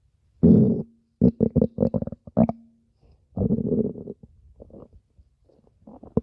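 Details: Loud bursts of bubbling, squeaky gurgling with a brief low groan from a person's stomach, part of over five minutes of stomach growling; borborygmi.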